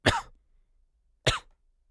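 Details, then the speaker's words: An ill adult coughing: two short, harsh cough bursts about a second apart, with quiet between them. "Okay. Don't bless me every time I cough."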